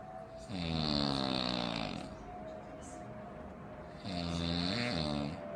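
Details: An adult woman's heavy snoring: two long, loud, droning inspiratory snores of about 1.5 seconds each, with a buzzing, airplane-like tone.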